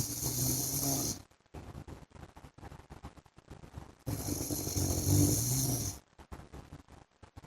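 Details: Loud, coarse snores from a sleeping adult man (husband) on each breath in, followed by softer sputtering breaths out; two full snore cycles: snoring.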